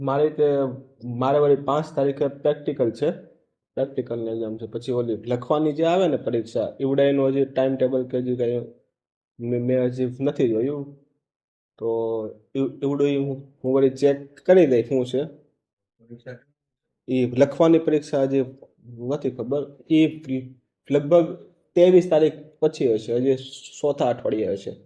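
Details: Adult man who stammers, practising daily in a fluency series (Day 17), in a recorded Gujarati conversation with his father; stuttering.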